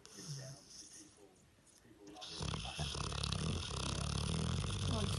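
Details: Sleeping dog snoring: low, rough snores building into a loud, continuous snore over noisy background.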